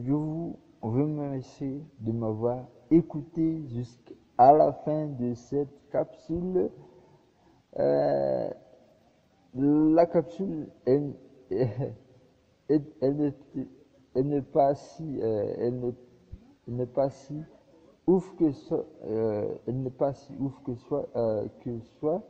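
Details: Male speaker whose stutter is audible; he is working to improve his communication day by day; stuttering.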